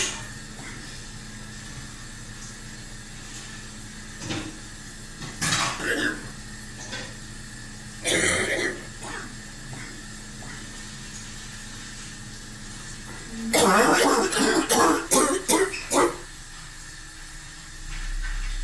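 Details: A few isolated coughs, then a burst of several quick coughs, over household cleaning clatter and a steady hum; cough.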